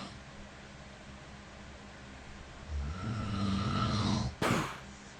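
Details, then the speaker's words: Adult's own night-time recording of their snoring, which they say is worsening, wakes them, and sometimes leaves them out of breath: one long rattling, slightly whistling inhaled nasal snore ending in a sharp snort. Snoring. "mean, the first time I heard that, I was pretty convinced I haven't got a problem, and there's actually cats having sex in my room. But that's not the case. That's coming out of the Mr. and Mrs. nostril while I'm trying to fucking dream."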